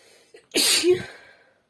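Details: Woman sneezing after saying "itchy", then blowing into her hand: a short breath in, then one sharp explosive burst of air fading out; a single sneeze.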